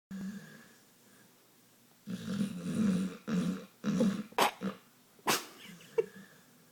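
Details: Pit bull dog snoring heavily: rough, rumbling breathing noises with snorty bursts and a few sharper snorts.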